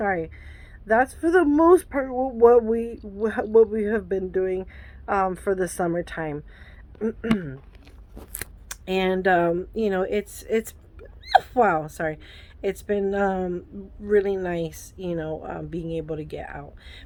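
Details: Adult woman with Tourette syndrome; a burst of repeated vocal tics and an expletive (coprolalia) break up her sentence. Vocal tic (Tourette syndrome).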